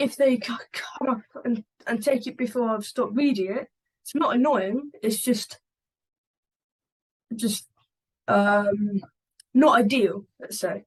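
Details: 11-year-old boy who stammers and makes stammering-awareness videos. Stammering.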